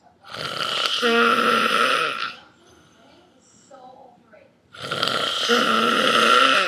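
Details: Adult man (dad) snoring while asleep: two long, loud, rattling snores on breathing in, separated by a quieter pause.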